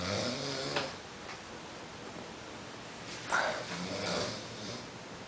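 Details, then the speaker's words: A man who had been drinking a little, snoring loudly in his sleep: two rough, rattling breath sounds a few seconds apart over a faint background hum. "This is what sounds like when he snores."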